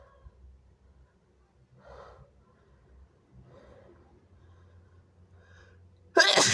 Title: wet sneezes turning messy and snotty (he/they)